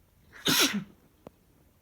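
One forceful sneeze with a short in-breath then a loud, hissing burst, followed by a faint click.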